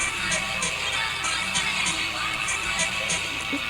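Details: Thin, harsh, tinny music with shimmering, broken bursts and almost no bass: a simulation of how music sounds through the speaker's injured left ear with diplacusis (distorted pitch perception).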